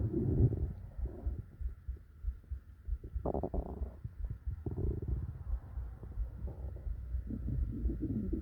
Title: Stomach growls and heartbeats to sleep, relax.. or whatever you do